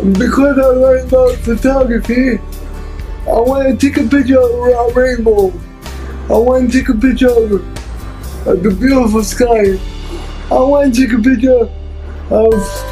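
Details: Dysarthric speech in an adult man with cerebral palsy who uses a wheelchair.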